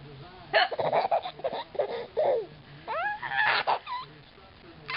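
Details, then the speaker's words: Young child laughing at his mother's hiccups: sudden sharp voiced hiccup sounds break up soft talk and laughter; hiccups. "Laughing at Mommy's hiccups? Think it's funny? She has the hiccups?"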